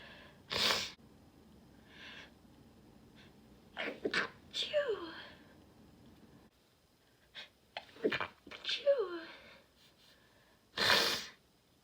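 Two forceful, explosive sneezes about ten seconds apart, with a few small breathy sounds between them in a quiet room.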